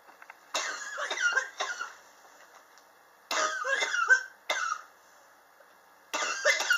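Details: Adult's persistent cough since summer 2016, recorded July 2018, thought triggered by extreme temperature changes in the apartment: several short bursts of dry harsh coughing in clusters with pauses: cough.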